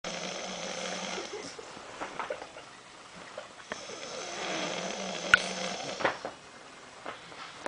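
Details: Snoring during a sleepover: long, rough, rattling snores on the in-breath with quieter pauses and a few small clicks in a small room.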